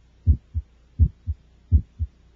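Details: Child's heart, about 83 a minute, over inspiration and expiration: a sharp, high-pitched systolic ejection sound just after S1 from the aortic or pulmonic valve, loudest in expiration, heard with the stethoscope diaphragm.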